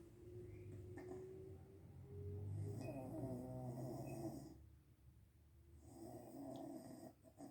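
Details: Mum snoring while asleep in a chair: two long, rattling, low fluttering snores on slow in-breaths over a steady background hum.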